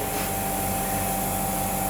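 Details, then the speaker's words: Electric suction machine switched on by its foot pedal and running continuously in a demonstration, with a steady motor whir, constant hum and airy hiss; it stops when the foot is lifted. "इसको हमने डाला इसके अंदर, हमने ये दबाया तो ये देखें ये सक करना शुरू कर दिया इसने।"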